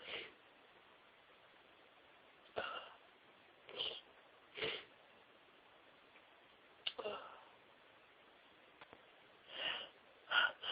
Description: Absolutely huge sneezing fit with lots and lots of sneezes (over 60!), including build ups, a couple of stifles and some wet nose blowing on soft white tissues.